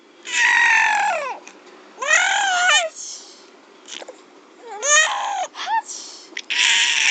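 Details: Baby laughing, reportedly in reaction to someone else's sneeze: high, rising and falling squeals and cry-like sounds in bursts, laughing or shrieking.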